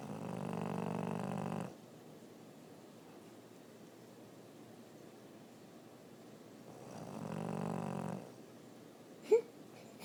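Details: French Bulldog snoring: two slow, low rumbling snores several seconds apart, with quiet breathing between and a faint squeak near the end.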